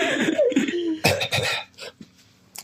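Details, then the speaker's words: A few rough, harsh chesty coughing bursts with throat noise in a small room, fading to quiet breathing, from a podcast speaker who describes his own coughing, breathing and wheezing as a chest death rattle. "Yeah I do apologize as well for anyone that's had to listen to the disgusting ASMR of me coughing um and breathing and wheezing if you can hear that on the recording"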